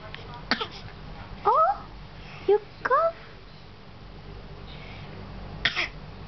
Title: coughing baby